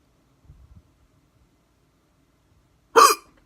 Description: Hard hiccups, camera focused on the neck as requested :)